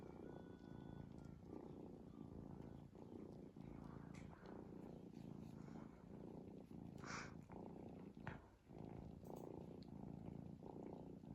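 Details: Cat snoring continuously for about five minutes.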